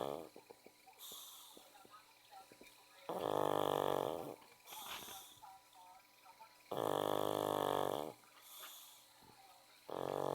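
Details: Pug dog snoring loudly: loud, rattling snores about every three seconds, each about a second long, with quieter snuffling breaths between them.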